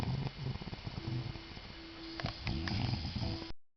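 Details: Very loud snoring: low rumbling snore with a rough vibrating texture; a faint steady tone and some background sound run underneath.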